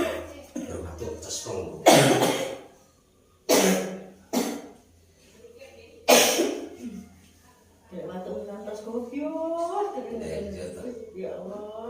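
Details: Woman with a cough that will not heal and kept her awake all night, coughing during a traditional massage. Four harsh cough bursts, then talking with faint background music. Recurring, persistent cough.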